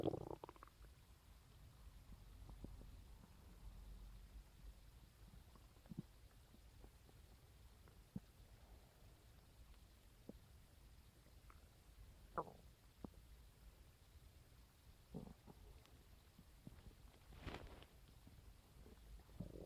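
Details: Morning stomach growling recorded on a phone on waking: low gurgles, groans and brief squeaks over quiet hiss; ordinary borborygmi, normal bowel sounds.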